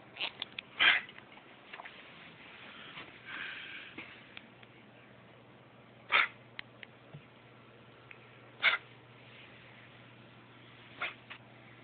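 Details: Dog with kennel cough giving four short, harsh, snorting coughs spaced irregularly.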